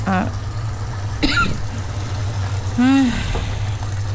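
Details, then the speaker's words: Adult woman with asthma coughs while cooking, then reports shortness of breath; says attacks can be triggered by being startled and have worsened over time. "Dia kalau terperanjat, tersentak ke dengan sesuatu ha dia boleh kena. Kalau tak tahulah mula-mula dulu tak adalah seteruk ini. Sekarang mudah. Kalau terperanjat pun boleh kena ya serangan asma tu."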